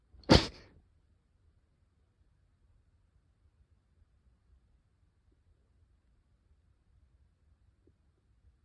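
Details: A single sharp, explosive sneeze followed by near silence; sneezing.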